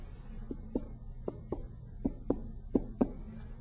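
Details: Abdominal exam percussion on a patient without pain, done with the hand flat on the abdomen, starting in the left upper quadrant: about nine sharp, hollow taps with a brief resonant ring, normal tympany near the umbilicus.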